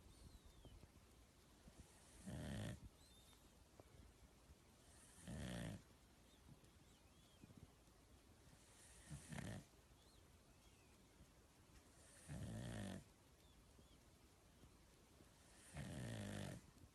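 Loud, rough, low rattling snores on breathing in, about five in 17 seconds, with quiet breathing between them; ordinary snoring.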